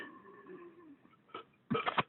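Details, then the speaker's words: Adult with hiccups after a bout of deliberate belching, heard as brief, abrupt hiccup sounds with a faint fading voiced tone before them. "damn dude that sounds like a couple musical instruments you have the hiccups now"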